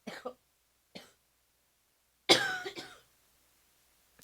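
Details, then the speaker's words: Adult woman who says she feels unwell and is wheezing, recording a podcast: several short, dry, irregular coughs with one longer, harsher throaty cough midway. "I am wheezing like can you can hear this okay I'm gonna try my best not to cough into the mic"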